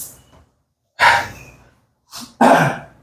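Two harsh, dry coughs from an adult, separated by a brief breath, with the end of an earlier cough at the start; an allergy-related cough.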